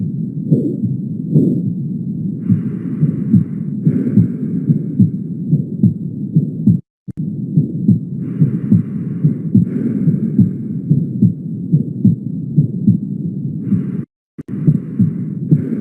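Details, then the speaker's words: Aortic stenosis murmur heard at the aortic focus, where it is diminished (Gallavardin phenomenon: louder at the mitral focus). A regular heartbeat near 71 per minute with a soft rushing systolic murmur. "en resumen el fenómeno de gayabadín es el fenómeno por el cual un soplo aórtico por estenosis aórtica se escucha más intenso en el foco mitral"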